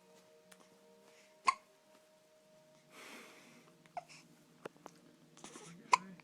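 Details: Cartoon character hiccupping: two sharp, abrupt hiccup sounds several seconds apart over faint background music.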